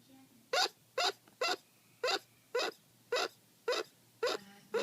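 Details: Short, sharp, squeaky hiccup sounds repeat steadily about twice a second in a quiet room from Gus Gus, a small pet; hiccups.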